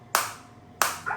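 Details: Biotronix SW7 focused (not radial) shockwave therapy device firing at low frequency: two sharp, loud snapping shots about 0.7 seconds apart, then a brief faint tone.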